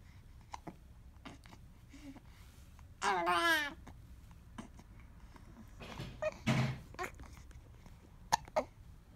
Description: Baby with hiccups also sneezes, coughs.